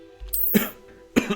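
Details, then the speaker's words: Two short cough bursts from an adult man who is somewhat ill with a blocked nose and a scratchy throat, heard over steady game music. "Donc vous entendrez souvent tousser malheureusement."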